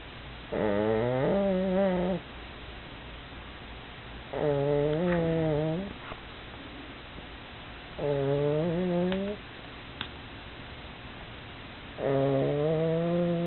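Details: Snoring in a pug sleeping after tiring herself out playing: regular buzzing, droning snores on each in-breath, about 16 breaths a minute.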